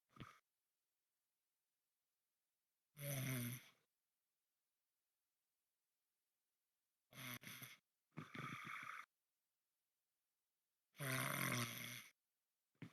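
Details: Short snorting snores in bursts with silent gaps between; intermittent snoring.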